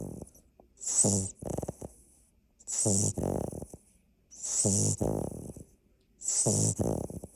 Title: Sound On : Kona (our largest pup) snoring! 💤 #labrador #puppy #puppies #puppysnores #puppysnooze